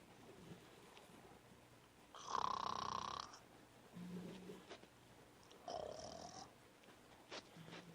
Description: Jackie the Jack Russel snoring!